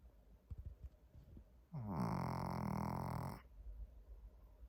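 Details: A sleeping small dog snoring: a single rattling, buzzy snore between quiet breaths.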